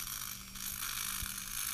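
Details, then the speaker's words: Steady high-pitched drill whine with a faint low hum as twist drills progressively complete the osteotomy for an immediate 3.7 mm dental implant, replacing an adult's failed primary second molar with congenitally missing second premolar, using a sectioned tooth as a guide. "you can see here now I'm basically completing my osteotomies by progressively going through the series of twist drills in this case we're going to be placing a three point seven millimeter implant"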